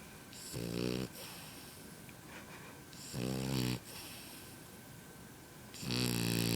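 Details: Loud, buzzy, rattling snores roughly every 2.5 seconds with a steady hiss between, from a sleeping French bulldog puppy.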